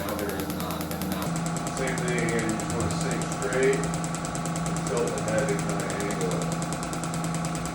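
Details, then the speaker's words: Shockwave therapy handpiece in operation on lower back and hip structures to decrease back pain and improve hip mobility: rapid, steady mechanical tapping pulses with background music. "if having more flexibility and feeling less pain is something that you want quickly these Shockwave therapy treatments to the following structures can help"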